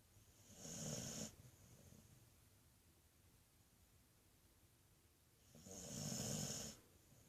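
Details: Sleeping female dog gives two slow, raspy, human-like snores about five seconds apart, quiet in between; snoring.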